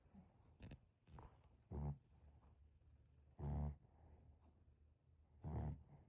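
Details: Small dog (Shih Tzu–poodle cross) snoring in sleep: three low, rumbling snorts about two seconds apart with softer breaths between.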